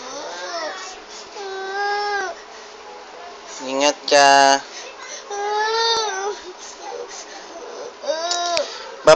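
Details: A young child cries in rising and falling wails with sobbing breaths and a louder peak as father leaves for work and is told to wait for mommy; ordinary upset crying.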